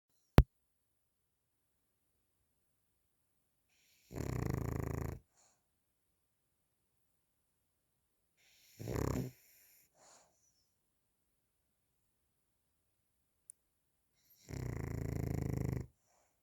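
Three low, rumbling snores, spaced several seconds apart, with quiet between them; snoring during sleep.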